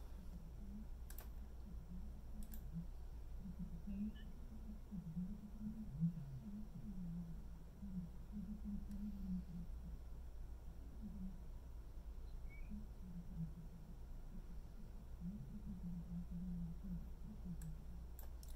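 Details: Simulated severe hearing loss: a man-woman conversation heard through severe hearing loss, loud talkers; muffled low-pitched voice tones with inflection but no understandable words, greatly reduced volume.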